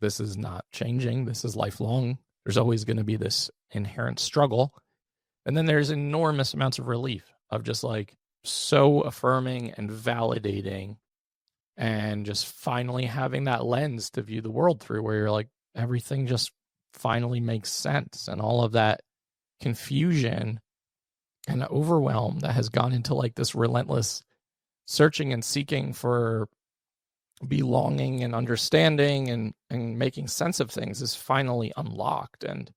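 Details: Adult male with a rare chronic recurring throat condition; endoscopic surgery 2021, open throat surgery 2022 left one vocal cord paralysed; voice improved, needed extensive speech therapy, but still vocal fry, tires daily; finding: vocal fry from unilateral vocal cord paralysis.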